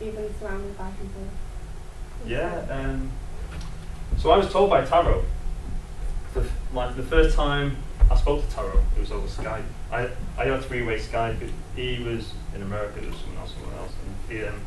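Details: Adult man who lives with a stammer; stuttering.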